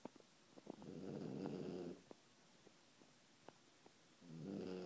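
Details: Pet sleeping upside down on a chair, snoring: two low, rattling snores, each about a second long, separated by quiet pauses with a few soft clicks.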